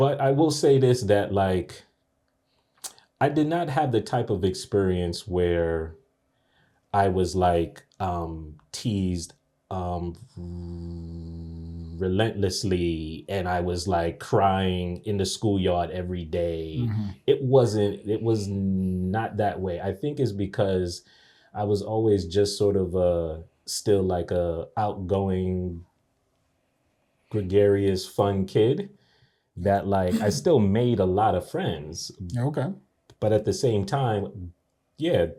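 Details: Adult man who has stuttered since age three, onset after a bad dream; audible word repetitions; stuttering.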